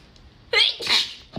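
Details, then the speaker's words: A girl with cat allergies sneezes while eating: one loud, explosive two-part sneeze with a sharp intake and a hissing burst. "Excuse me. So, oh, just sneeze right into the orange. Excuse me. As you can see, I have some cat allergies."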